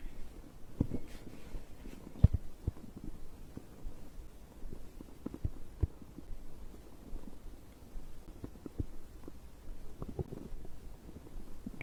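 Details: Quiet low gurgles and scattered soft pops over about twelve seconds; stomach growling bowel sounds of digestion recorded after drinking a beverage.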